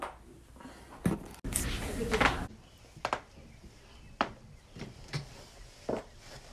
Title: loud neck/back crack compilation